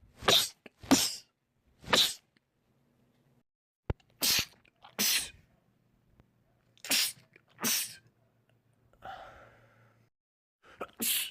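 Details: Man's rapid sneezing attack: about nine sharp, hissing sneezes in quick succession, a sneezing fit from a compilation of film/TV clips.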